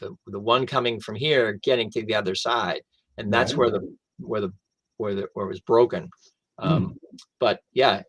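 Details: Adult male stroke survivor who lost language after the stroke, now with mainly expressive (Broca's) aphasia plus some receptive difficulty, in real conversation; expressive aphasia.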